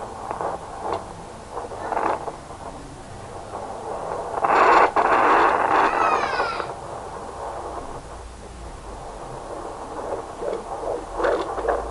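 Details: Fetal heartbeat picked up with a Hi bebe home fetal Doppler: soft, rhythmic whooshing pulses, broken midway by a loud scraping burst.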